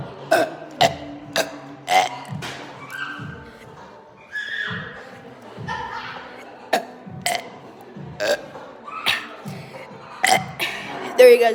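A run of loud, deep, gulping belches with short gaps between them. Repeated burping.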